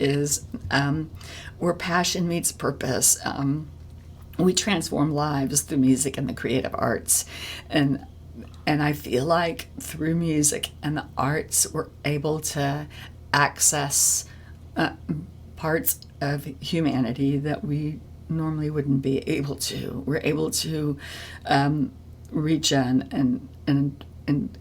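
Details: Adult woman with spasmodic dysphonia, a vocal cord disorder in which the vocal cord muscles spasm; spasmodic dysphonia.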